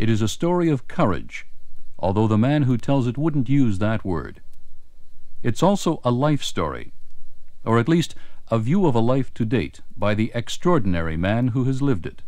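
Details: Adult male narrator; Normal speech.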